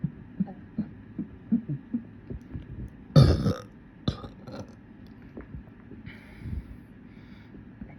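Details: Deliberate burping session; a loud, low, rumbling, bubbly burp against steady background thumping, followed by a few softer gulping sounds. Burping.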